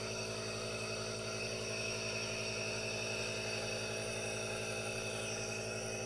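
Steady hiss with a constant low pulsing hum of a compressor, running without pause: an aerosol nebulizer in operation.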